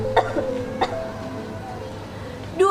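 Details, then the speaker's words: Simulated cough etiquette at a hospital: two brief acted coughs, muffled into the inner elbow, over soft background music. "Hai jika anda sedang batu tok Anda saat ini anda sedang berpotensi menyebarkan ribuan mandi udara Anda dapat mencegahnya dengan mengikuti etika batuk yang benar berikut ini saat ada batu satu gunakan lengan bagian dalam"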